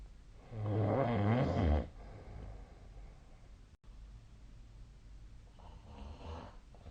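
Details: Snoring during sleep, recorded with the SnoreLab app on 2025/02/02: one loud, rough snore lasting about a second, then quiet breathing and a fainter second snore in a small room.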